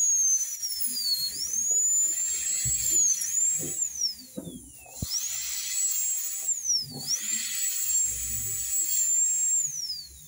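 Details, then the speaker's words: High-speed dental drill breaking the contact points of tooth 31 to create a diastema appearance during veneer preparation: a high-pitched whine that dips in pitch under load and rises again, with faint room noise. "Entonces primero vamos a romper puntos de contacto de la pieza número 31."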